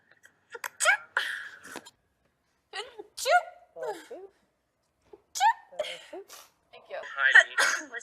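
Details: About four separate sneezes from different people on a television show, each a sharp explosive burst with quiet gaps between; sneezing compilation.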